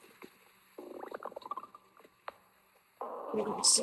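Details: An adult's stomach growling after eating a large meal, while relaxing and massaging the belly: bubbling, gurgling rumbles and a longer low growl (borborygmi).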